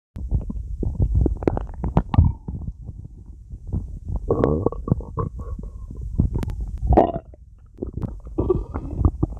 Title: Lupi's stomach growling 💟♥️